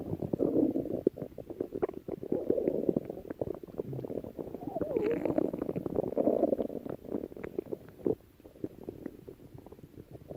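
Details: Stomach growling (borborygmi): long gurgling, rumbling bowel sounds with bubbling pops, rising and falling over several seconds.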